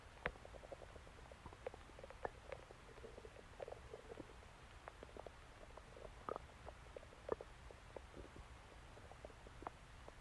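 Soft, irregular gurgles and squeaks from the belly over a low hum, typical of ordinary stomach growling as gas and fluid move.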